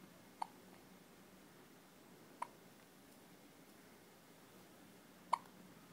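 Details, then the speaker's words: Baby with hiccups that, per the parent, never stop, like his mother's: three short, sharp hiccups at uneven gaps in a quiet room; hiccups. "He's got hiccups like his mom. They never stop."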